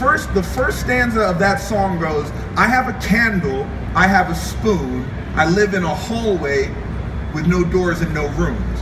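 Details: Adult male speaker; Normal fluent speech.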